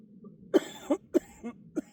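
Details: Adult with cystic fibrosis after a set in a shoulder workout: a run of about five short, forceful coughs clearing mucus felt in the airway or upper lungs, with wheezing; productive cough.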